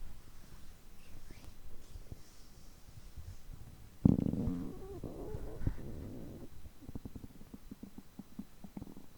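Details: Stomach growling recorded after overeating, which lasts over 3 hours on such days: low gurgling and rumbling with a louder bubbling burst midway; ordinary borborygmi.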